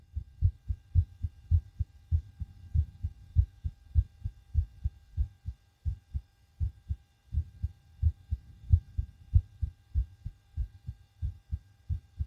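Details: Fast, strong, deep thumping heartbeat, roughly 95–100 a minute, recorded through a DIY stethoscope right after backflips and bouncing on a trampoline; an intense, quickened, forceful heartbeat after exercise.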